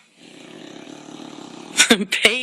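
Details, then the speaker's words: Bulldog in deep sleep: steady, fluttering nasal snore, then brief snorts and stirring sounds as she is woken; snoring. "Payton is snoring she is in deep sleep"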